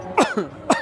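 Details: Adult man coughing right after finishing a hard city run: two short, harsh, throaty cough bursts, a cough after exertion.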